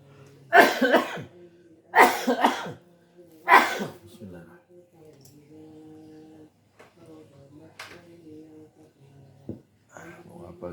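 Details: Three loud, harsh cough bursts about 1.5 seconds apart while about to recite/memorize Quran juz 26, followed by quiet voiced sounds and a faint steady hum in a small room; repeated coughing.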